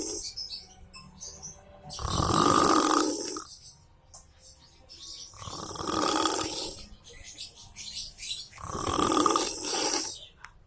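Three loud, rough snores on breathing in, about 3.5 seconds apart, with faint sounds in between; ordinary heavy snoring.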